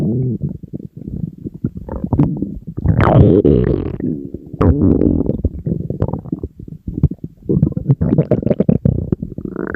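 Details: Person on a diet, very hungry, stomach rumbling nonstop: loud, continuous low gurgling and growling rumbles; empty stomach hunger growling (borborygmi).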